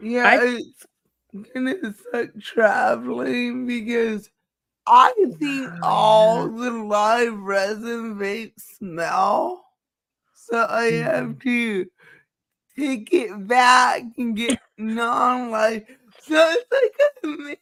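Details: Dysarthria in a woman with cerebral palsy, who says her speech is due to cerebral palsy and nothing can be done about it.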